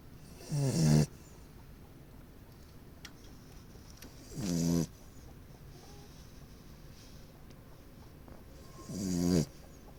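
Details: A dog giving three short snorting snores, each rising in pitch, about four seconds apart over steady background noise; snoring.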